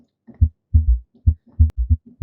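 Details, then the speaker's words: S4 gallop: an extra heart sound heard late in ventricular diastole, just before S1, in a cardiac assessment lecture. "Another abnormality you might hear is an S4 sound. This is heard late in ventricular diastole, okay?"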